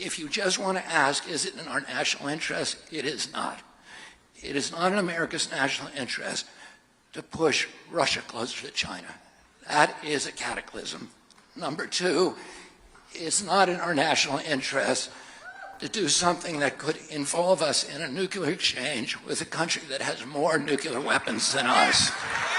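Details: Adult man with spasmodic dysphonia, involuntary contraction of the voice muscles causing a distorted voice; spasmodic dysphonia.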